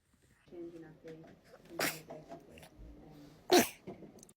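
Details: Baby boy's sneeze attack: soft babbling broken by two sharp sneezes, the second louder; brief bout of infant sneezing.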